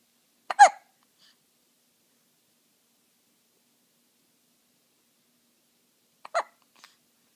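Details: Baby hiccupping: two short, sharp hiccups about six seconds apart in silence.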